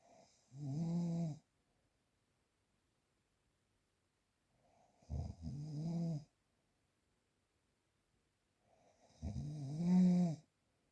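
Three loud, low, rattling breath sounds on inhaling, spaced by quiet pauses: typical snoring in sleep.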